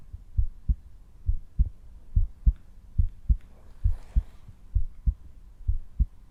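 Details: Real heartbeat through a stethoscope, no talking, in a simulated ASMR home cardiology exam, patient relaxed and taking long, slow, deep breaths: normal heart sounds.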